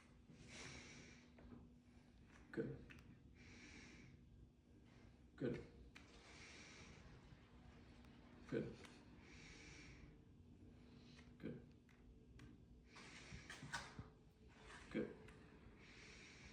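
Repeated deep breaths about every three seconds, each ending in a short forceful exhale, heard in a quiet room; normal deep breathing, with clear lungs on examination.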